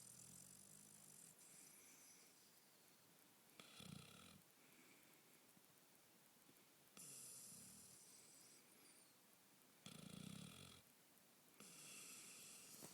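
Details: Repeated rough, rattling breaths in an irregular rhythm, roughly every three seconds, in a quiet room; snoring during sleep.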